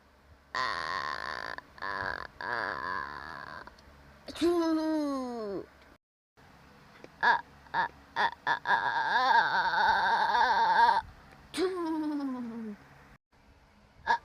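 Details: Simulated cartoon crying from an animated character: wailing, whimpering cries with falling pitch and short breaks between them.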